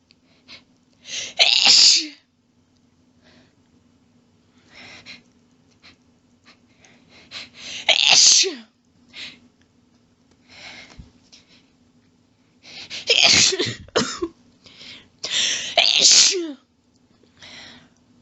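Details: Female prolonged sneezing fit: sharp sneezes in quick clusters, including rapid quadruples, with short gasping inhalations between, in a quiet room.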